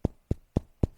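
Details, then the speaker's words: Imitated chest percussion demonstration: four evenly spaced, short, low thuds illustrating the percussion note, taught alongside a clinical case with dullness at the bases of both lungs. "A la percusión, matidez en zonas basales de ambos pulmones."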